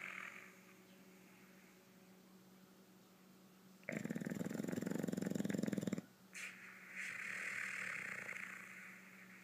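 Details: English Bulldog snoring while asleep during an afternoon nap.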